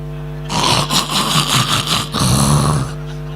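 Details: Imitated snoring in a comedy performance, acting out a husband's loud snoring that annoys his wife; not a real sleeper.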